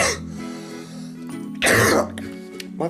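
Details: Adult recovering from a lingering cough that is worse in evenings and mornings, with a croaky, deeper voice: one loud, rough cough-like throat clear over background music; cough with throat clearing.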